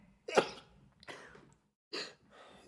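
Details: Male streamer who says he has allergies: a few short, sharp bursts of expelled air in quick succession, a run of rapid sneezes.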